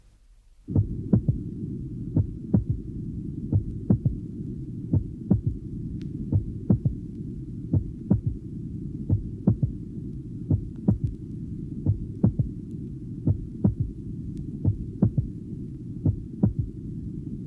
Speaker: here is the example of a normal third heart sound in a young adult the low pitched sound is quite loud and occurs. 13 seconds after atic closure